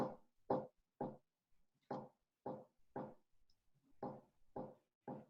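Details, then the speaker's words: Voiced imitation of a third heart sound (S3) gallop in a teaching lecture: short thumps in repeating groups of three, with an extra sound after the second; S3 later noted to occur in heart failure. "Tercer ruido se escucha así."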